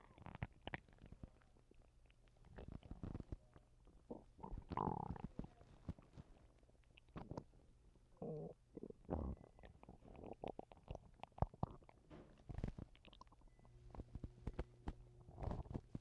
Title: Some more stomach noises sorry I have not posted in some time I’ve been sick/ ￼￼throwing up enjoy 😊